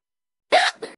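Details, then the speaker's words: Hiccups in a woman: a single sudden sharp catch of breath with a brief voiced squeak, then a softer trailing sound. "I'm sorry I keep telling you guys when I have my hiccups I have the cute hiccups I have the hiccups where it sounds like a Dy my yeah I have those like up hiccups"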